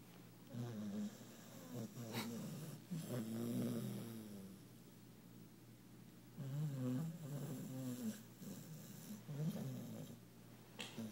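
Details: Long, low, fluttering snores with soft whistling tones from a deeply asleep, worn-out female puppy lying twisted up and twitching, repeating every few seconds; ordinary sleep snoring.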